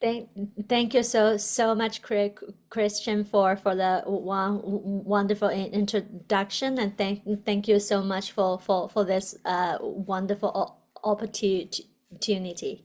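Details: Adult woman, a person who stutters, doctoral student in communication sciences and disorders, with a word repetition (stuttering)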